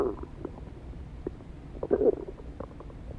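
Low gurgling rumbles and bubbling pops with a louder burst midway; normal stomach growling from gas and fluid moving through the gut.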